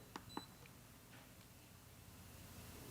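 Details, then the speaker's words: Three short electronic key beeps in quick succession on a Plum 360 infusion pump keypad as the 4 key is tapped three times to select IV fluid (normal saline), then quiet room noise. "So I'm going to type in, using my alphanumeric keys, the 4 key, and I'm going to tap it 3 times, GHI, to get to IV fluid."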